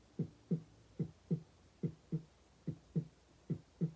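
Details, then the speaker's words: Normal S1 and S2 from a cardiology student's own heart, steady lub-dub at about 75/min; professor confirmed four heart sounds in this person, including a split S1 and an S3 after S2. "So this is the S1 and S2."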